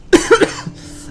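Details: Persistent post-viral cough of about a month that began as a cold: three quick, dry cough bursts in a row from an adult.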